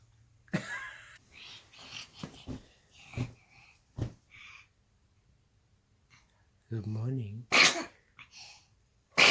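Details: Baby who sneezes every morning: quiet voices and breathy bursts, then a couple of sharp, explosive sneezes.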